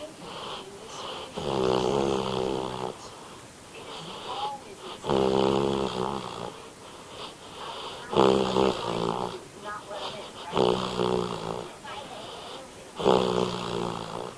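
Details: A dog snoring in its sleep: repeated buzzy, humming snores with snuffly breaths between them in a small room.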